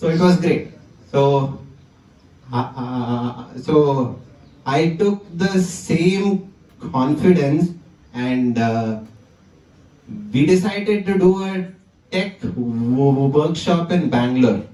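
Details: 20-year-old man whose stammering returned with great intensity after the pandemic lockdown; stuttering with a phrase repetition.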